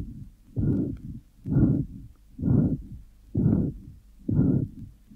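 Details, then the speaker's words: 21-year-old man with mitral incompetence: grade 4 pansystolic murmur extending up to a soft second heart sound, followed by a third heart sound and short mitral diastolic murmur. "here is a recording of a typical pan systolic murmur of mital incompetence in a 21-year-old man the murmur is grade four an intensity and extends right up to the soft second heart sound which is followed by a third heart sound and short mital diastolic"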